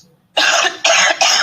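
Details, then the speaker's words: Three harsh, forceful coughs in quick succession from a COUGHVID recording. The person reported symptoms but was never tested, so whether they had COVID-19 is unknown. "okay so let's play this one again the first one which is symptomatic"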